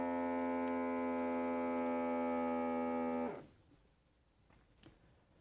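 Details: Steady electric pump hum inflating the cuff to about 160, then stopping as air releases with a faint click; Dimarson DM-14508 automatic blood pressure monitor, repaired after battery-contact cleaning, working normally.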